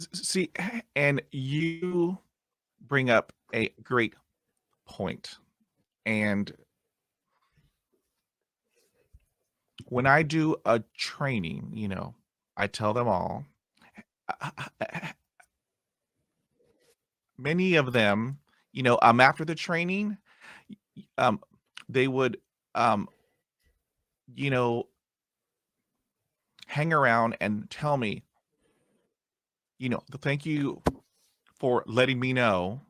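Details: Adult Italian man who has stuttered since childhood, had speech therapy as a child and adolescent, describes his stutter as not severe, speaking English (stutters more in Italian); stuttering.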